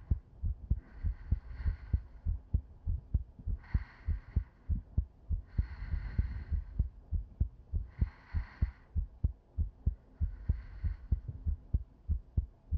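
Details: Simulated ASMR sleep-aid recording of a girlfriend's heartbeat heard with head on her chest: steady, regular low thumps at about 98 beats a minute with soft breathing; normal heartbeat.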